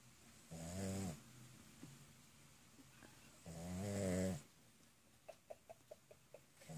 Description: Dog snoring